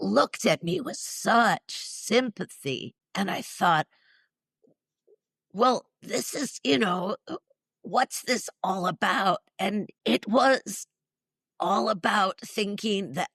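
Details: Spasmodic dysphonia, neurological (basal ganglia), with essential tremor, in a woman in her mid-60s treated with Botox injections to the vocal cords; weak voice, especially disrupting vowels.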